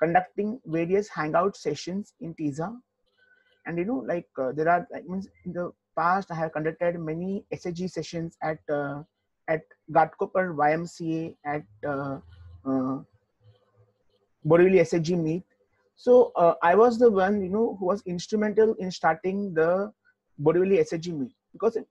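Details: Adult man, an IT professional who stammers, answering a question in an interview; stuttering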